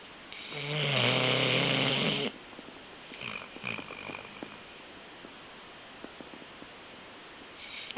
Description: Rio the German Shorthair Pointer snoring on the couch